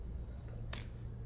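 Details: Chiropractic/osteopathic full-body adjustment of a female fitness model with back pain spreading along her side, lying face down: one sharp, brief crack over quiet room hum, a joint cavitation pop during spinal adjustment.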